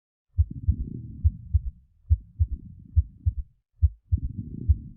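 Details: iPax auscultation simulator case playback: low regular heartbeat near 70 a minute with extra third sound forming a gallop rhythm, under coarse bubbling crackles; S3 gallop with coarse crackles.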